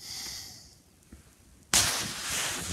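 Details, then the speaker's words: Recorded snoring of a loved one in suspected sleep apnea: soft breath fading into near silence, then a sudden loud snorting gasp for air, with pauses seeming to grow longer between breaths; snoring with apneic pause and gasp. "THAT'S DIFFERENT. THERE'S A GASP OF AIR THERE. AND IT SEEMS TO BE GETTING LONGER IN BETWEEN."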